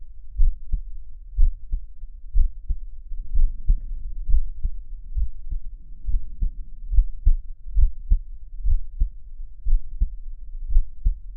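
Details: Normal heartbeat of a chubby, hairy adult male, recorded for relaxation ASMR: steady, soft paired lub-dub thumps at about 60 beats a minute.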